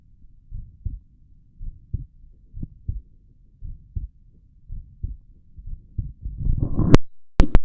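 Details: Heart auscultation in left lateral decubitus position: regular paired low lub-dub thumps at about 58 beats a minute, ending with rubbing and clicks as the stethoscope is moved; heart sounds.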